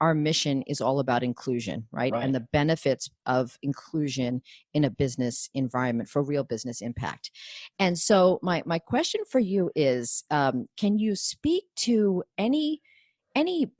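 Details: Adult speaker; ordinary speech.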